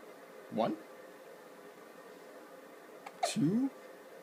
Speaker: one two morning hiccup jumps did the camera scare the hiccups out of you no no it did not